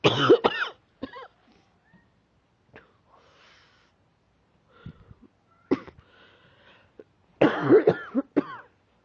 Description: Here is another video of coughing. I am still coughing but it is getting better now.